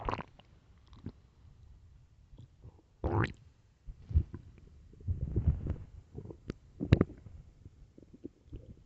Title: late night stomach growls part 2